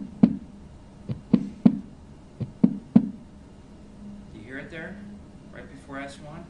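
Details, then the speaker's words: Heart sounds in slow clusters of three with a soft, lower-pitched extra sound just before S1, timed with atrial contraction into a non-compliant ventricle ("stiff wall" cadence): an S4 gallop. "so you kind of have to almost anticipate it don't you because the sound is soft and lower pitch than S1 so you have to kind of anticipate it coming before S1 and it's going to sound like a stiff wall a stiff wall a stiff wall a stiff"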